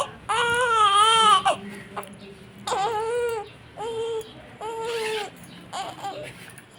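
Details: Newborn baby girl crying: five short crying bursts with a clear voice and pauses between them; an ordinary newborn cry.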